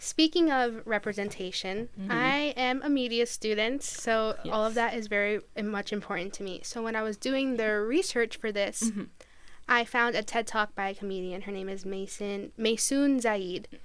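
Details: Adult woman speaking; normal speech.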